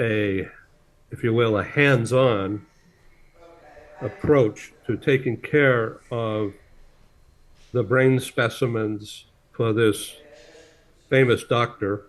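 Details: Adult man speaking; plain speech.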